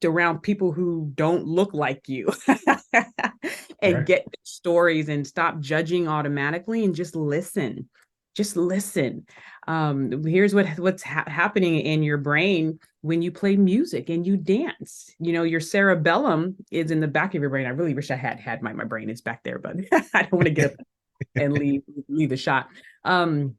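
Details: Adult woman who still stutters today, speaking in a podcast interview; stuttering.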